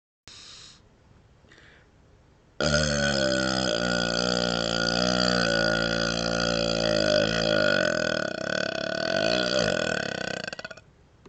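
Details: Burping while wiggling and licking with the tongue outside the mouth: a long, loud, voiced burp of about eight seconds with steady throaty rumbling after two brief softer sounds.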